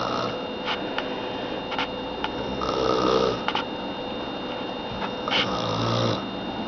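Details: Adult woman snoring in sleep: rough, rattling snores during sleep breathing, over steady room noise.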